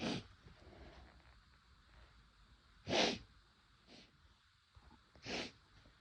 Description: my first time using chhinkni and i was nervous it wouldn’t work on me but it definitely worked a little too well lol